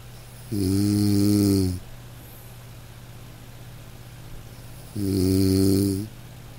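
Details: Man snoring in deep sleep: two long, loud, buzzing snores on inhalation, about four seconds apart, with quiet between them.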